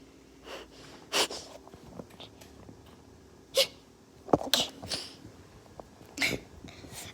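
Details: Sleeping, dreaming dog sneezing: several short, sharp nasal bursts, like small sneezes or snorts, in a quiet room.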